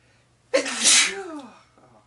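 A single sharp, explosive sneeze with a brief breathy tail, in a quiet room.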